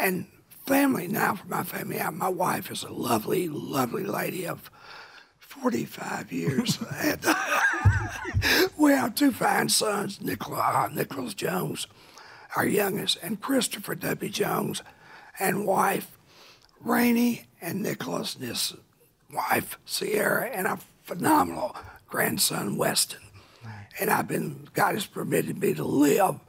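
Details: Adult man with a rough voice from laryngeal cancer, a vocal cord spot found by an ENT specialist and confirmed by biopsy about 23-24 years earlier; now cancer-free, voice remains altered; dysphonia after laryngeal cancer.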